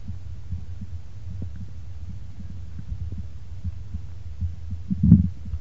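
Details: Listening to the person's own heartbeat and stomach: soft, fast low thumps under a steady hum, with a louder stomach gurgle near the end; heartbeat.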